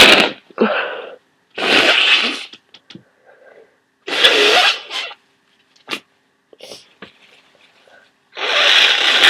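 Several loud, forceful sneezes with sharp inhaled build-ups, in a person with a cold.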